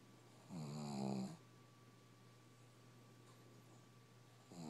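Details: A low, rough snore on each in-breath, about four seconds apart, from a sleeping pug over a steady background hum; loud enough that earplugs are needed; snoring.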